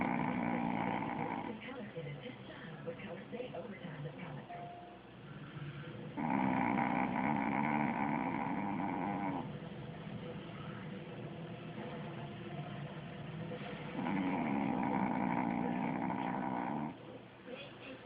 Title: Knocked out and snoring